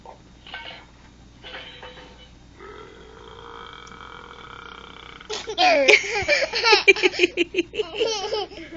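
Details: Dog burping on request: a few soft burp-like sounds, then a burst of repeated high-pitched giggling; ordinary burping.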